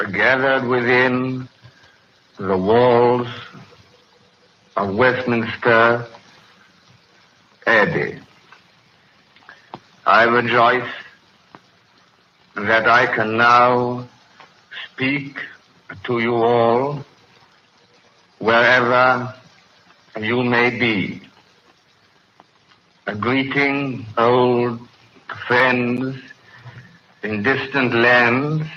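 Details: Real 1937 coronation-day BBC broadcast by a man with a severe stutter, recorded before his treatment by a speech therapist was complete, with hesitations throughout; finding: stuttering.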